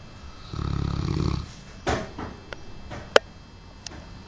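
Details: Large Cane Corso dog snoring: one low rattling snore of about a second, then a few soft snuffles and clicks in a quiet room; said to snore like a helicopter; snoring.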